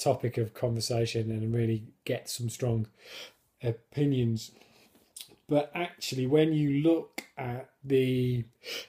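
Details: Stammering in an adult man who controls it with a fluency technique learned on a course and who regards it as a disability.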